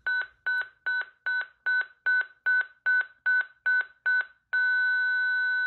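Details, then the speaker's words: ZOLL X Series monitor-defibrillator, synchronized cardioversion demonstration, charging to 150 joules: eleven rapid, regular beeps, then a steady continuous tone; the defibrillator charging and signalling it is ready to shock. "we're now going to cardiovert at the next energy level up 150 joules so we go in we press energy select 150 we charge the device"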